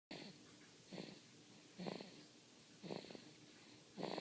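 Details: Baby: rhythmic noisy breaths with a soft whistling edge, about 56 a minute; light infant snoring.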